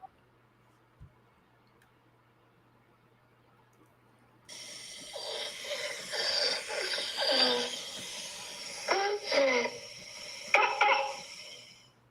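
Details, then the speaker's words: Child with croup, played as an example sound clip by pediatric providers: harsh seal-like barking coughs with strained noisy inspiratory breaths (stridor); croup with stridor. "So that sounds bizarre, but that is a really distinctive sound of croup."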